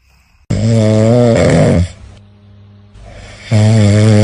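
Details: Cat snoring, from a compilation of cute cat and dog snoring.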